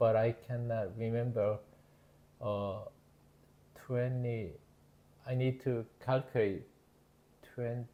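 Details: Adult man with Broca's (nonfluent expressive) aphasia after left-hemisphere ischemic stroke in September 2023, earlier global aphasia; halting, fragmented speech with word-finding difficulty.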